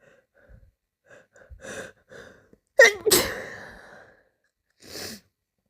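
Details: Quick catching breaths building to one sharp, loud sneeze, then a short breath: a single ordinary sneeze.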